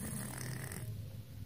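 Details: Cat snoring during a daytime nap after staying up late: low, rumbling, steady, soft snore throughout; ordinary snoring.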